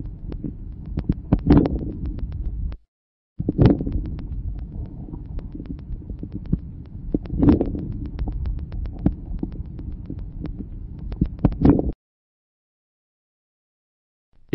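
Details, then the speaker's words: Early inspiratory crackles: soft breath noise with a few brief crackles clustered at the start of each inspiration, characteristic of severe bronchial obstruction. "ils sont peu nombreux et localisé au début de l'inspiration ils sont caractéristiques d'une obstruction bronchique sévère"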